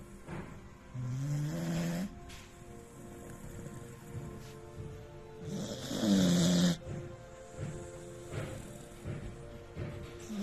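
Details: 10-month-old beagle puppy asleep: two low, rumbling snores about four seconds apart, faint steady tones in background; ordinary snoring.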